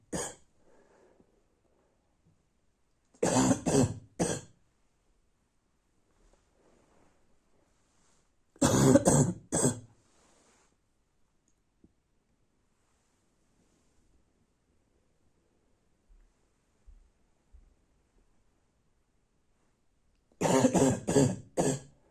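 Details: Barking cough at night from an adult: harsh, low, barking coughs in short clusters of three or four, with quiet between.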